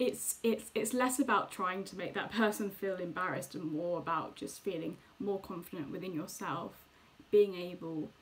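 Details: Woman who stammers, speaking; stammering.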